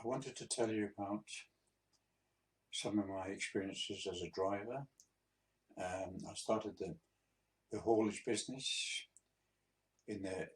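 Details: 82-year-old man, a few months after a mini stroke, with speech he says is still sometimes difficult: hesitant speech after the mini stroke.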